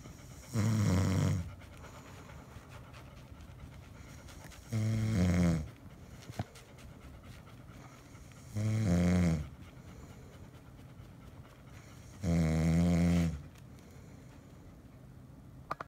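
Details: Sleeping dog snoring: four loud, rumbling snores at roughly 16 breaths a minute, ordinary snoring.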